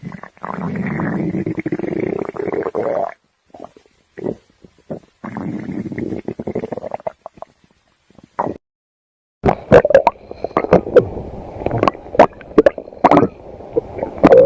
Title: stomach growling Compliantion 2024-2025